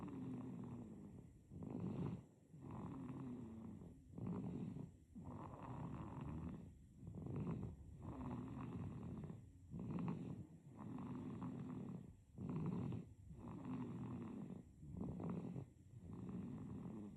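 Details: Sleeping baby with soft, rhythmic snoring on nearly every breath, about 30 breaths a minute; infant snoring.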